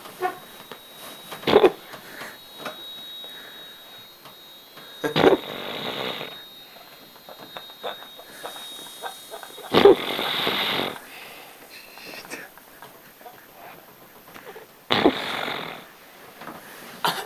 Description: Pretty funny snoring behavior!